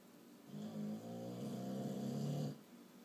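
A single rough, fluttering snore lasting about two seconds in a quiet room.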